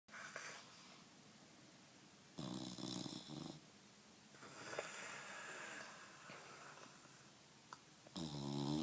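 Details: Bulldog so tired he fell asleep on his back with his mouth open, giving irregular rough snoring bursts with quieter breathing between them; snoring.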